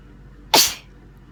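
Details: Person sneezing; a single sharp, hissing burst of air, loud at first and fading quickly: a sneeze.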